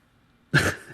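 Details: A single abrupt, sharp, voiced hiccup after silence, from a man talking through a long bout of hiccups.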